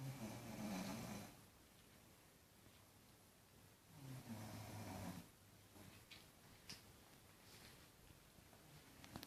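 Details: Two low, rattling snores on breathing in, about fifteen breaths a minute, from a sleeping daughter who denies snoring; the snoring is described as louder than the TV.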